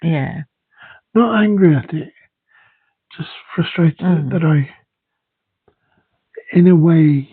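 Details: Aphasia (dysphasia) after a second stroke in a man, affecting speech and language, including reading.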